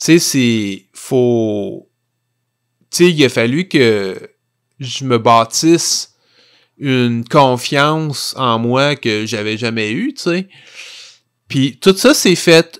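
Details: Stuttering in an adult man who stutters.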